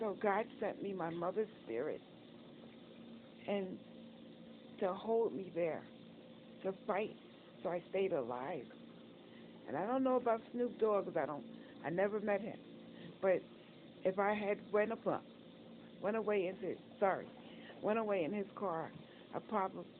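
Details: Adult woman disabled after a stroke and several heart attacks, also reporting facial apraxia and recent open heart surgery; she says she cannot control her tongue or get words out right away; word repetitions and reformulations; post-stroke speech impairment (aphasia/dysarthria).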